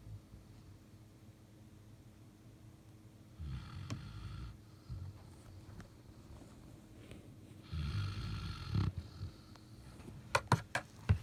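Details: Low rough snoring at irregular intervals with a few louder snorts in a quiet room; a Belgian Malinois dog snoring while asleep under a bed.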